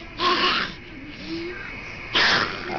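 Two sharp, airy, hissing bursts with no voice behind them, with faint squeaks and steady mist hiss between: a sneeze through a tracheostomy.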